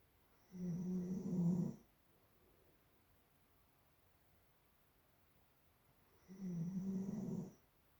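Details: Doodle dog; two long, low rumbling snores about six seconds apart with quiet pauses between breaths. Ordinary snoring.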